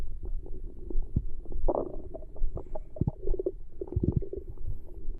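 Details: Girl's stomach growling after one day: low gurgling rumbles and bubbling pops in irregular bursts, louder mid-clip and near the end; audible bowel sounds (borborygmi).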